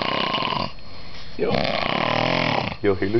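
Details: Army soldier asleep in a bunk; loud, harsh, rattling snores with deep throaty vibration, broken by a brief pause between breaths. Snoring.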